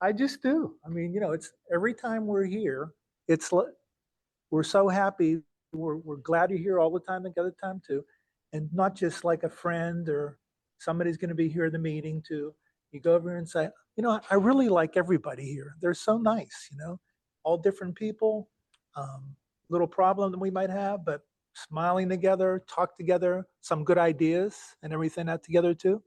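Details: Male stroke survivor with aphasia, a member of an aphasia support group; aphasia.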